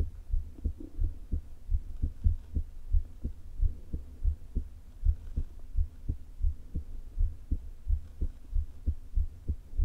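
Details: Woman's heart with atrial fibrillation and a leaking heart valve, days before open heart surgery, low-placed stethoscope: irregularly spaced thumps at about 88 per minute with soft low stomach rumbling between beats.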